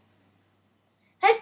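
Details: A child gives one brief, acted sneeze into a covered mouth after a quiet pause, demonstrating the proper way to cover a sneeze; sneeze.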